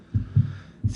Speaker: That's the first sound of the cardiac cycle, first heart sound. It's actually called the lub. The dup or the dub, the second sound is closure, what are called the semilunar valves, which are the pulmonary and the aortic